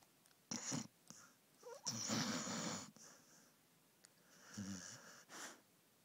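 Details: Snoring during sleep: separate noisy breaths with hissing, whistly snorts and a few brief low rumbles, in a quiet room.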